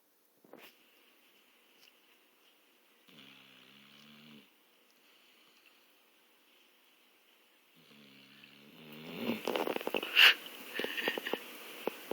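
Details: Sleeping Labrador retriever gives two long, rumbling snores, then louder rustling and movement as it wakes; it had been sneezing earlier.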